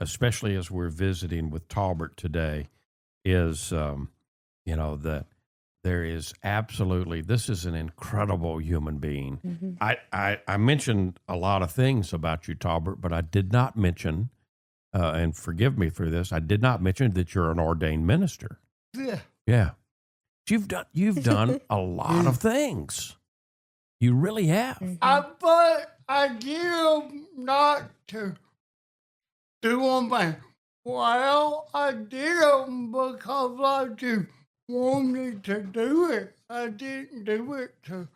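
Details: Adult man with cerebral palsy and a speech impediment since childhood: dysarthria (cerebral palsy).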